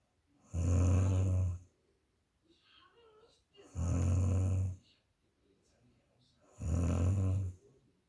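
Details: Very loud snoring from a sleeping woman: three low, rumbling snores on inhalation, about 19 a minute, with quiet exhalations between them.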